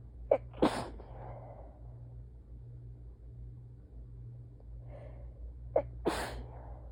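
Two sneezes, each a quick indrawn gasp then a sharp explosive burst, against a steady low hum; repeated sneezing.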